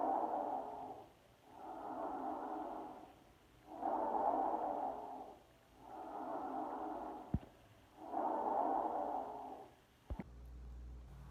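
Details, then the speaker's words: Loud, harsh blowing breath sounds in regular cycles heard over the neck and sternal region: a normal tracheal breath sound, described as intense and blowing. "iremos iniciar os sons com o som traqueal ele é audível na região do pescoço e na região external Relembrando que o som é descrito de forma intenso e soproso"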